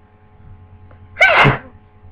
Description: More sneezes from my new cold